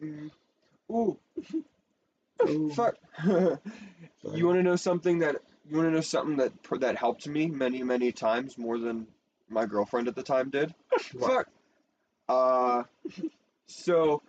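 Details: Speaker with Tourette syndrome talking; frequent censored interjections likely represent vocal tics; vocal tics (Tourette syndrome).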